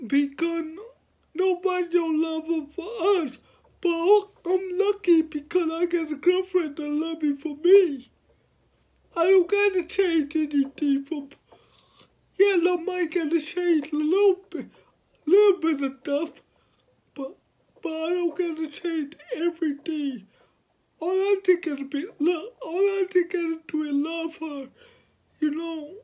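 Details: 29-year-old man with cerebral palsy from birth, born at five months (premature), speaking about his own life; dysarthria (cerebral palsy).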